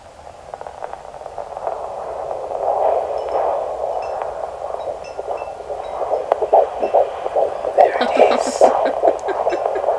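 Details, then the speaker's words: Fetal heartbeat on Doppler at 16 weeks of pregnancy: rapid, regular whooshing beats at about 143 per minute, normal. "wow that heartbeat's pumping wow hearing that little heartbeat Alysa and I sort of just had to like pause for a minute"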